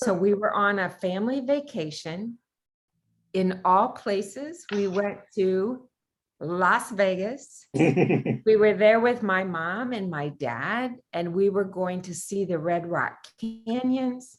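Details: Adult woman speaking; normal speech.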